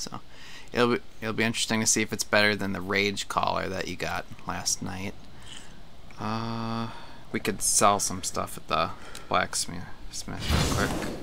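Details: Adult male speaker; ordinary speech.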